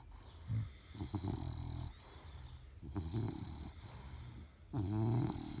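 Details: 9-month-old bulldog asleep beside his owner: loud, rattling snores recurring unevenly about every two seconds, with harsh vibrating breath sounds; snoring.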